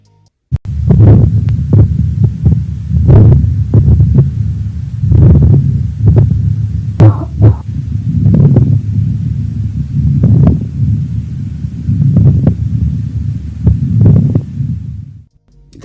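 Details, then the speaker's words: Moist rales (wet crackles) from air forcing through fluid sputum in the bronchi: irregular bubbling, popping crackles over a deep rumbling background on lung auscultation. "тоже самое происходит бронхах когда накапливается там жидкой мокроты и грамм судан и поток воздуха пытается прорваться через эту жидкость"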